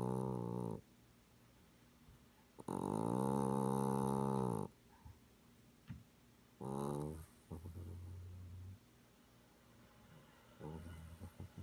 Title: Winnie cat snoring, 7/12/16